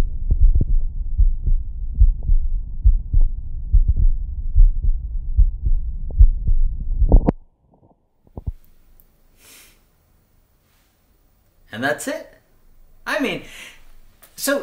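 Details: Steady low heart thumps at about 73 beats a minute, heard on the chest through a Bluetooth wireless, noise-cancelling, amplified stethoscope, then brief music; normal heart sounds.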